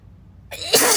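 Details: Girl sneezing while reading a passage aloud: a quiet room, then a quick inward breath building into the start of a forceful sneeze.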